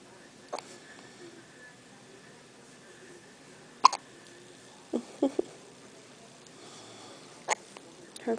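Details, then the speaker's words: One-day-old newborn girl in hospital having her first hiccups, held in her mother's arms: several short, soft hiccups at irregular intervals with faint room noise between; hiccups. "she drinking or what? She has the hiccups."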